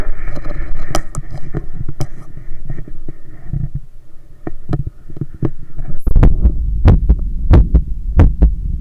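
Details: Own heart sounds via stethoscope held on the chest during bicep curls with a resistance band: steady low thumps about 92 a minute, with rubbing and scraping from stethoscope movement; heartbeat raised by effort.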